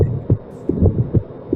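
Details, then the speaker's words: Child's heart at the apex: sharp systolic ejection click just after the first heart sound, compared with normal children; aortic stenosis, whose ejection murmur at the base transmits to the neck vessels. "here what you hear the apex is the systolic injection you really have to to focus on that first normal kids listening to the first half sound and then comparing to a child where the systolic ejection came"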